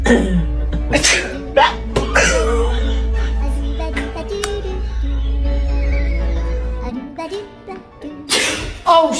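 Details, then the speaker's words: Sneezing prank: loud, sudden sneeze bursts over music and talking, followed by the listener complaining of being spat on; sneezing. "What the was that? Did you just spit all over my head?"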